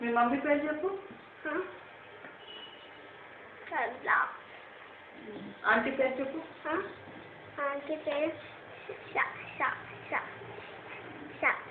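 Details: Adult speaker prompting a child; no speech disorder.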